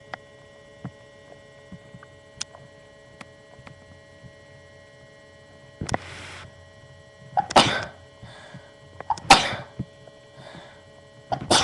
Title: just more sneezing